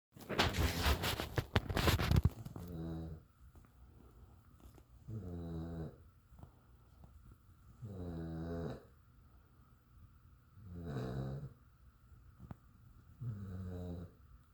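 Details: Steady, rattling snores about every three seconds, roughly 20 a minute, after a brief burst of handling noise at the start; snoring.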